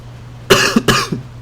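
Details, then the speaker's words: Adult man coughing repeatedly while talking: two quick, harsh coughs close together. "there this must be horrific for you guys to watch someone just cough on camera for like 20 minutes"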